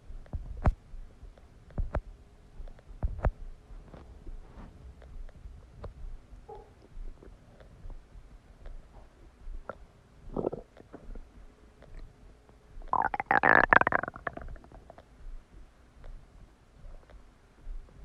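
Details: Stomach after eating a cheeseburger: scattered clicks and gurgles with a louder rumbling gurgle near the end; active digestive borborygmi.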